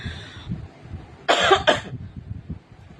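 An adult gives two quick, sharp coughs in close succession, with faint low room noise around them.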